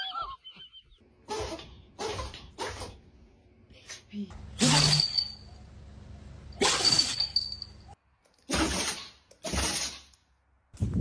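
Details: A series of short, forceful bursts of air through the nose, repeated several times; dog sneezing.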